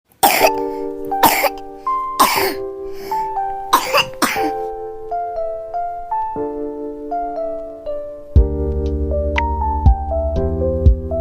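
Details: Five short, sharp coughs from a baby in the first few seconds, over steady background music that continues alone afterward: infant cough.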